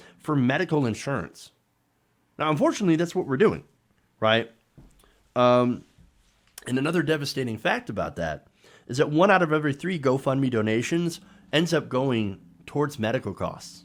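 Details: Adult man speaking; ordinary speech.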